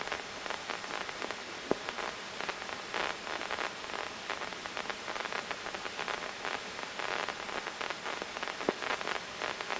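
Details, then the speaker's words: Crackling, rain-like static with rapid clicks and pops: amplified firing of a single isolated neuron, recorded through a brain microelectrode in an awake patient with eyes open during deep brain stimulation surgery for facial dystonia. "so this is the uh the activity of a single neuron that's isolated and we can record these much better with patients awake with their eyes open than we can for instance if they're asleep and under general anesthesia"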